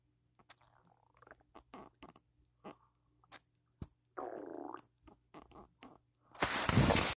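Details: Loud morning stomach after cereal with peanut butter and a cup of coffee: scattered short gurgles and squelches, one longer bubbling rumble, then a loud rushing noise; ordinary borborygmi.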